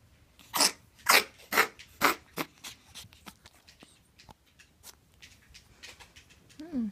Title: Koda Cough 3 - Ferret with Heart Disease Feb 2016